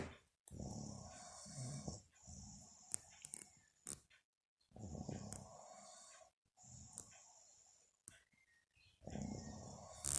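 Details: Mother snoring in sleep: slow, irregular, rough snoring breaths with pauses between them, about 14 a minute, in a quiet room.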